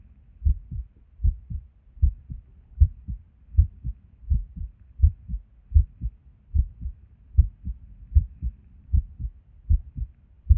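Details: Resting heartbeat recorded at Erb's point while sitting at a desk: lub-dub heart sounds at about 77 beats a minute with uneven spacing and occasional pauses, an irregular rhythm with skipped beats that occur with and without reason.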